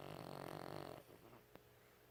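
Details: Old 13-year-old Chihuahua, often sleeping, giving one brief buzzing, fluttering snore followed by quiet breathing; dog snoring.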